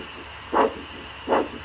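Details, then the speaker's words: Handheld Doppler over a foot artery, assessing blood supply to the feet in diabetic vascular disease: two whooshing pulsatile arterial flow sounds over a steady hiss. "you hear this artery pulsating this is the sound of the artery the blood supply which goes from here this way as i showed you in the diagram and then goes right to the foot"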